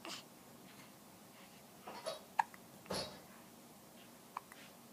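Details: Young boy, a frequent hiccuper even before birth, with hiccups: a few short, abrupt catching sounds a second or so apart in a quiet room.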